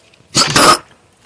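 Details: A single sudden harsh, noisy cough-like burst, possibly a gag, from a pet porcupine while eating, described as a sound never heard from it before.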